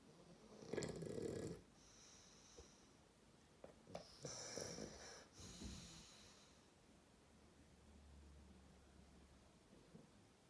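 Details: Bulldog fast asleep snoring loudly: rough, rattling snores with quiet breathing in between.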